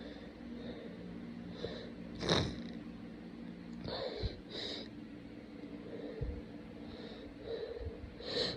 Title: Lots of sneezing and very snotty sniffling